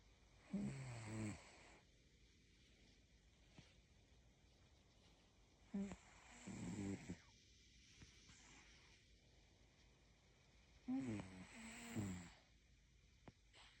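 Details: A cat snores in slow, regular bursts, about twelve breaths a minute, with quiet pauses between them.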